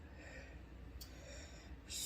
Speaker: oh wait did you guys just hear those sneezes did you hear it that was milkshake she sneezes chronic sneezer